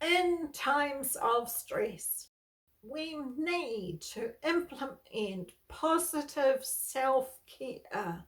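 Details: Adult woman with spasmodic dysphonia, a neurological voice disorder she has lived with for over 38 years; she reports stress worsens her voicing and speaking.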